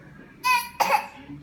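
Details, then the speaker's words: Child deliberately fake-coughing on cue: a brief voiced sound, then one sharp cough burst; a voluntary cough. "Ay, Dios mío, tiene mucha tos ese niño, tiene demasiada tos."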